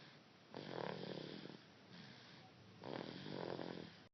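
Two slow, rattling breaths in, each about a second long, with quieter breaths out between them. An infant's snoring.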